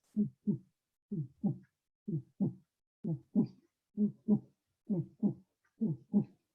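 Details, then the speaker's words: Steady paired lub-dub heart sounds at about 63 beats a minute: normal first and second heart sounds. "so whenever people think that your heart beats it's not so much bait as the movements of blood causing a vibration so it's more like a heart vibration"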